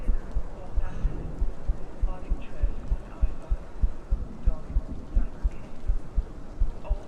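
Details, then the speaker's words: Person's own heartbeat after mowing the lawn, slow to settle after exercise, with some arrhythmia still audible: regular low thumps about 105 per minute, faint music behind; fast heartbeat after exercise. "Yeah, heartbeat's a little fast today because I mowed the lawn. It does not slow down very well when I do physical exercise in a day."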